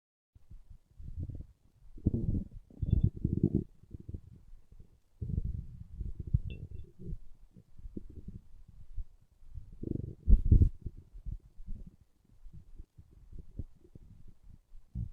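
Quiet low gurgles and rumbles in irregular bursts over a quiet room; normal stomach growling.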